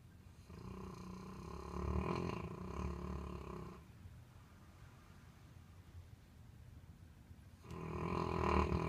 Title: Kiwi Snores LOUD!!